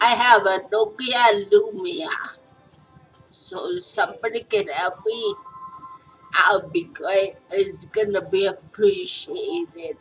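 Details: Adult speaker; post-stroke speech.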